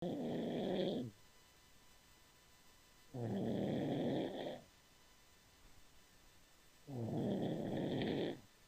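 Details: Person asleep during a Skype call, snoring: rhythmic rough snoring sounds on each breath, about 17 a minute, with quiet gaps between.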